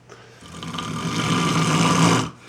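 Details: One long, loud, rough, rattling inhaled snore building over about two seconds, from a skier after heli-skiing in the Chugach; snoring.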